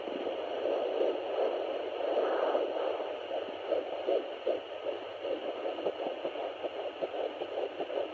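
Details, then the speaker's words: Fetal heartbeat at 13 weeks of pregnancy on a Sonoline B fetal Doppler held still: rapid, regular whooshing at about 158 beats a minute after an early burst of fetal movement noise. "You'll be able to hear it because I'm not moving the Doppler at all. That's her heartbeat."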